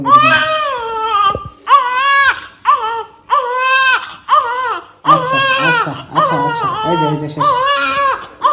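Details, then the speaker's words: Newborn in hospital, around the mother's third day there, crying during a dress and diaper change; the baby is said to cry a lot when even slightly cold. Loud, repeated wailing cries with short breaths, and a soothing adult voice in the background. "অনেক বেশি ঠান্ডা তাহজিবের থেকে পুরাই উল্টা একটু ঠান্ডা পেলে ও অনেক চিৎকার করে জামা চেঞ্জ করার সময়"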